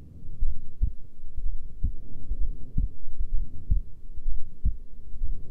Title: Female heartbeat during resting